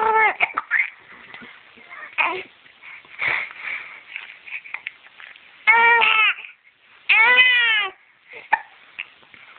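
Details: 9-week-old infant with hiccups fussing and whimpering, then two loud wailing cries under a second each, muffled phone-like recording; infant cry.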